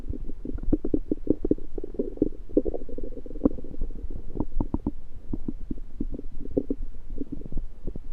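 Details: Loud, very active bowel sounds (borborygmi): continuous low gurgling and bubbling with rapid pops and rumbles from the belly, recorded shortly after eating a home-cooked meal the person suspects was undercooked.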